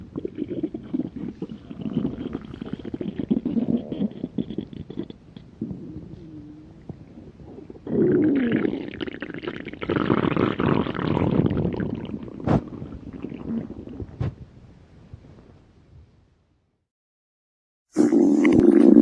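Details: Hunger stomach growling: long rumbling, gurgling growls with bubbling pulses, then quiet.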